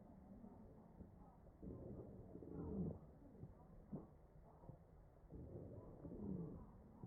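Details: Real ventilated patient, chest auscultation: ventilated breaths about every four seconds carry low musical wheezes, showing narrowed airways.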